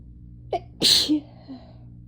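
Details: Random sneeze from a July compilation: a quick intake of breath, then one sharp, explosive sneeze with a faint trailing voice sound.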